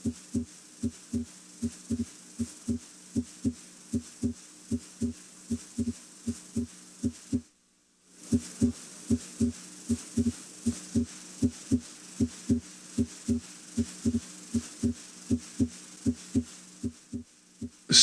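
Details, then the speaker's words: Normal heart sounds at the base (aortic and pulmonic areas), regular at about 78 per minute, with the second heart sound louder than the first. "in the aortic area and also in the pulmonic area s2 is usually louder than as one"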